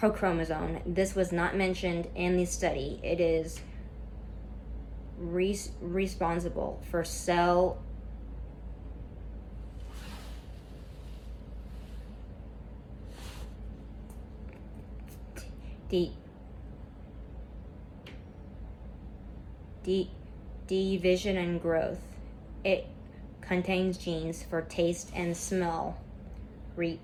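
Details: Student who stutters reading a class PowerPoint presentation aloud, with a lot of tension at first that eases as the reading goes on; stuttering.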